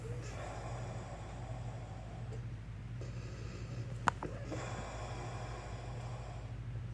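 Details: Akodo, wheezing and having trouble breathing in the morning: harsh, noisy snorting breaths in long, drawn-out phases over a steady low hum, with one sharp click.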